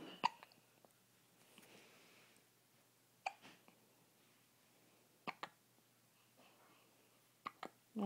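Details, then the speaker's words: Girl with hiccups: several brief, abrupt catching sounds at irregular intervals over quiet room noise. "do you have the hiccups?"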